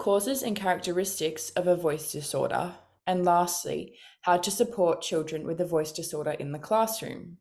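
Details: Adult speaker; normal speech.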